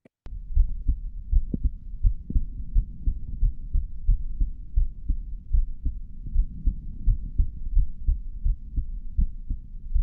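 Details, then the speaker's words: Normal heart sounds heard through a stethoscope: steady low thumps at about 87 a minute with a faint muffled low hum. Played as the stethoscope reference before an unprocessed earbud-microphone recording. "hopefully you get the idea it sounds like a heartbeat hopefully many of you are familiar with that sound already"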